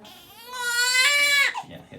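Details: 2-week-old baby girl during a chiropractic adjustment: a short, high-pitched, rising cry about a second and a half, then brief fussing; an ordinary infant cry.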